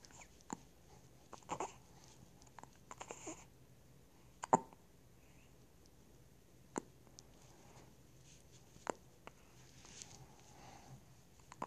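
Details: Hiccups recorded with the phone held in the lips, so breathing is loud into the microphone: soft, sharp clicks and gulps recur every couple of seconds over a quiet room hum.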